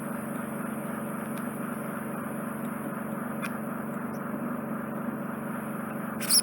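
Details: Adult male with left occluding and right semi-occluding ear wax having it removed with a Jobson Horne and Zoellner suction probe: steady hissing, whirring suction with faint clicks and a louder snap at the end.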